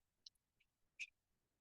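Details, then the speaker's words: Painless popping of an older adult's shoulder during arm rotation exercise: a few brief, sharp clicks and one louder crack, which is shoulder joint crepitus. "Just question with my old shoulders. Hear the cracking right here?"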